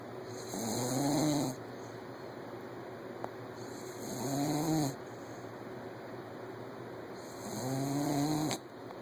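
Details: Sleeping puppy passed out: three slow, rising nasal snores, about 17 a minute, each drawn out over a second with quiet breathing between; ordinary snoring.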